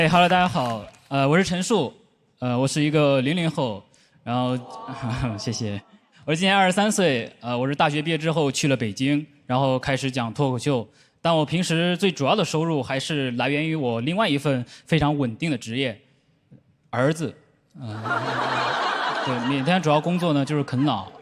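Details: Adult man; no speech disorder.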